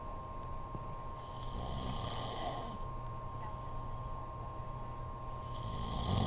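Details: Adult man asleep; low rumbling breath sounds over steady room hum, with a rougher, noisier snore toward the end: snoring.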